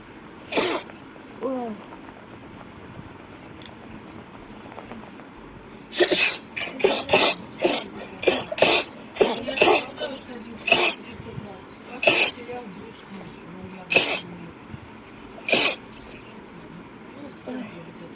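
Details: A girl's rapid run of about a dozen quick, sharp sneezes in succession, with a few earlier ones and room noise; repeated sneezing.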